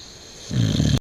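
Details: Boxer dog sleeping at Christmas, snoring very loudly: one loud, deep, rumbling snore typical of a short-nosed breed.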